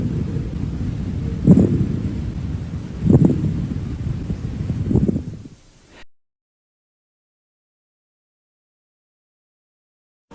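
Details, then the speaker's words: Pleural friction rub on chest auscultation: low, harsh, superficial creaking or grating sounds with three louder bursts, heard in both inspiration and expiration, not cleared by coughing, located in zones of maximal expansion (anterior-inferior region). "roose pleural sonidos superficiales crujientes o ásperos que se escuchan tanto en la inspiración como en la expiración no desaparecen con la tos"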